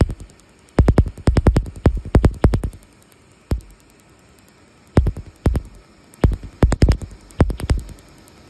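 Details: Laser tattoo removal on a chest tattoo: sharp snapping laser pulses in rapid bursts with short pauses, patient saying they can definitely feel it now; tattoo-removal laser firing.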